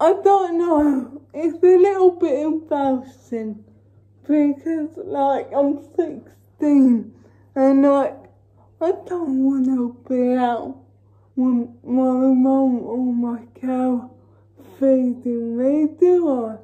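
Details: Female with cerebral palsy talking while feeding herself with a Neater Eater feeding aid; dysarthric speech (cerebral palsy), no speech disorder formally named.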